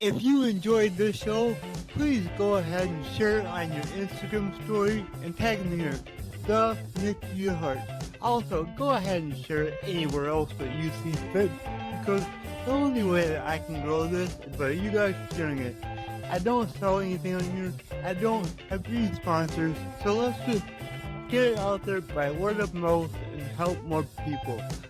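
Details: Stuttering in an adult male podcast host with cerebral palsy and a lifelong speech impediment, who still stutters though less than before.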